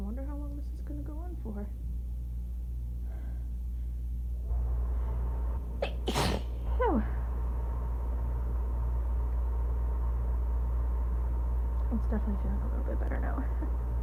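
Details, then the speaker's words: Woman sitting in a towel during a sneezing fit triggered after shower water went up her nose and burned; one sharp sneeze amid breathy sighs and short vocal sounds, over a loud air-conditioner hum. "And so now I'm just sitting here in a towel. Sneezing my head off"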